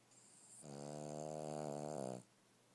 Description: Dog that snores. Really loud!